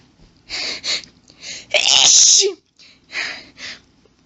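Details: Woman reading aloud has a sneezing fit of several rapid sneezes, one very loud and forceful, with short hitching breaths between them. She says the sneezes grew intense and violent.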